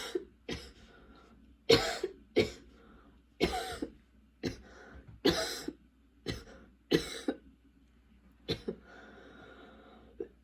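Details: About a dozen harsh coughs in 10 seconds in clusters with throat clearing: a persistent coughing fit despite medication, recorded while unpacking and getting ready for school.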